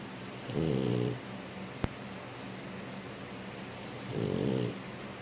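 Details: A female French bulldog asleep in bed with paws in the air, snoring: two loud, rattling, low-pitched snores a few seconds apart, with quiet room noise between.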